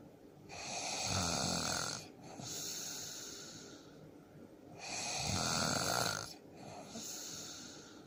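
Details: A man snoring: loud, rasping snores on each breath in with a whistling, hissing breath out, about two cycles in eight seconds.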